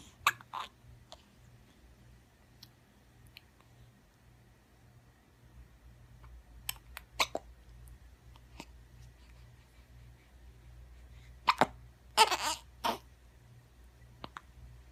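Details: Hiccups and a sneeze, recorded May 12, 2015: brief, sharp, irregular hiccup sounds in a quiet room, with one louder burst near the end that may be the sneeze.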